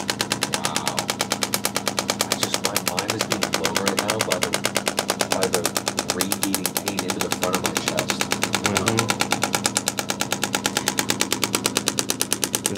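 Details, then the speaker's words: Loud, rapid, regular snapping pulses from a shockwave therapy device applied by a chiropractic assistant to a man's back muscles, sending sound waves about 3 inches in, with faint voices behind; sessions last 6–15 minutes. "you have to imagine with this shock wave we're essentially sending a sound wave about 3 in into the body wherever the head of that gun is positioned we're going 3 in into the muscle"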